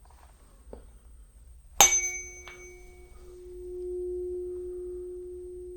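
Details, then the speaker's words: Tuning fork struck with a sharp ping, then a steady pure hum slowly fading, placed on the bone for the second ear in an ASMR roleplay Rinne hearing test; listener reports when sound stops. "going to place it on the bone just let me know when you can't hear it"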